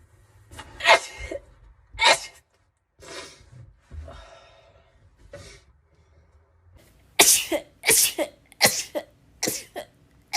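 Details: A run of sharp, explosive sneezes with quiet pauses between them, several in quick succession near the end, from a compilation of one person's rapid sneezing.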